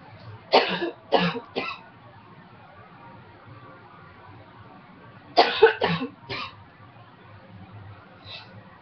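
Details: Former smoker, quit almost two years, now with a cold: two bursts of three short, harsh dry coughs each with no wet rattle, in a quiet room.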